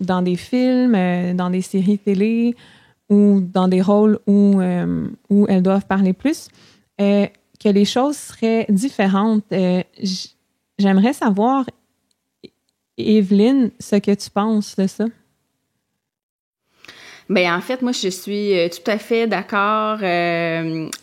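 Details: Adult woman who stutters; stuttering.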